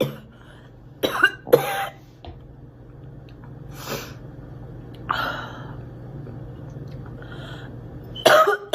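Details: Girl's acted coughing: two short, sharp coughs close together, then softer throat noises and a final cough burst, over quiet room hum; cough.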